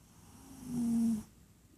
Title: Mason is snoring again ♥